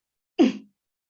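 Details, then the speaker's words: Expiratory grunting: a brief, low, voiced grunt, imitated by an adult, of the forced expiration against a closed glottis heard in struggling young children, possibly early toddlers. "where is a a grunt is something you'll hear again in younger children possibly early Toddlers and it's a forced expiration against a closed glotus so it sounds like"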